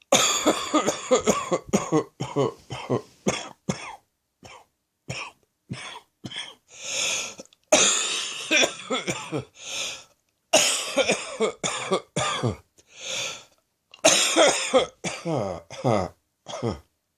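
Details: Evening chesty cough during a chest infection: repeated wet, rattling coughs in clusters; a productive cough.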